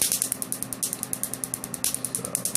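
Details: Laser tattoo removal on a male patient's left arm sleeve, large tattoo: rapid, regular sharp snapping clicks, about eight a second, from laser pulses over a faint machine hum.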